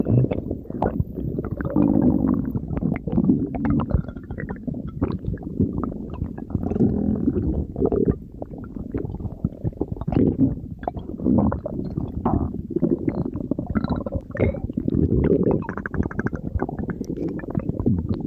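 Continuous low, gurgling rumbling throughout, consistent with loud stomach growling.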